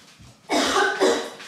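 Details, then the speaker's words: Acted dry cough in a coughing-up-blood prank: two short, harsh coughs without rattle or phlegm; the cougher calls the cough dry. "I don't know why I can't just get rid of this cough it's just not com it's just dry yeah it's no good"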